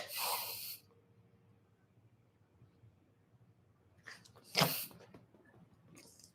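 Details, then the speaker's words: A female dog gives a few sharp, hissing nasal snorts separated by quiet pauses, seeming unable to breathe: a reverse-sneeze ("inside sneeze") episode. "An inside sneeze. That's an inside sneeze."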